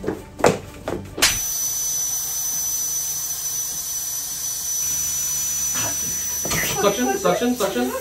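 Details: Steady loud hissing dental suction with a high whine starts abruptly, with brief voices and clatter around it; used in the patient's open mouth at a filling appointment.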